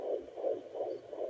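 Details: Fast, regular whooshing pulses on a home Doppler, about 130 a minute, a strong fetal heartbeat heard by the pregnant mother after two weeks without listening, louder than before; normal fetal heartbeat.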